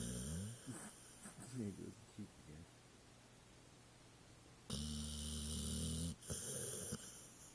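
Low rattling breaths with a loud, buzzing snore near the end, over room noise; snoring in a sleeping dog.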